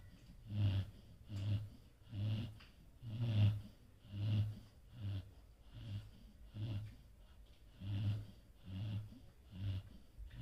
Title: #03 Casper ¦ Snoring is good.